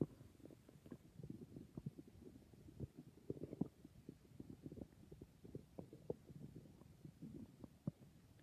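Quiet, continuous gurgling with frequent small pops and bubbling sounds: ordinary stomach growling from gas and fluid moving through the gut.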